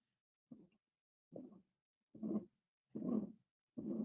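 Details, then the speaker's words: Mitral regurgitation, heard best at the cardiac apex and radiating to the axilla: regular heart cycles about 73 per minute, each filled by a long, even whooshing pansystolic murmur. "that should be heard best at the apex of the heart and radiating around to the axilla and it and of course is a pansystolic murmur"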